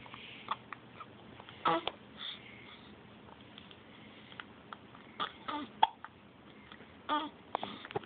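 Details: A baby girl almost two weeks old, with repeated brief, sharp catches in her breathing at irregular intervals in a quiet room; infant hiccups.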